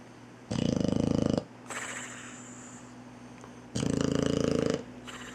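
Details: Sleeping Boxer puppy snoring while nursing a kitten: two loud, rattling, buzzing snores on the in-breath with quieter breathing between; heavy snoring.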